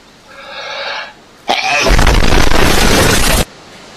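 A brief indrawn breath, a pause, then one loud explosive burst trailing into hiss: a single forceful sneeze.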